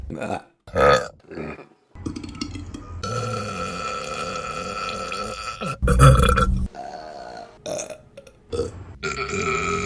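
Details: Burping compilation: several loud, drawn-out, low rumbling belches, one lasting a few seconds, with short voiced sounds between; repeated deliberate burping.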